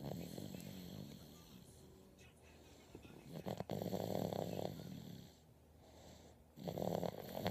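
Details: Snoring in a dog in deep sleep: loud, harsh, rattling snores in slow cycles with quiet pauses between.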